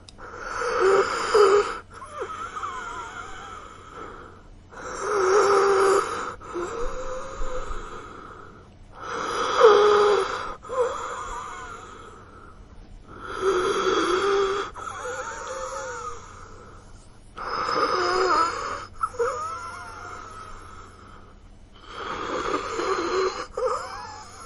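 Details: Simulated wheezing made as a breathing-distress sound effect: acted labored breathing with whistling, musical wheezes on each breath, about 14 breaths a minute.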